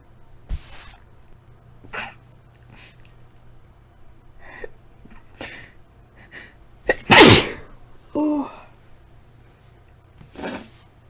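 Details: Tickly sneezes at night from a tickle: a loud sneeze with a sharp intake before it, then a softer sneeze, with sniffs and breaths between, in a quiet room.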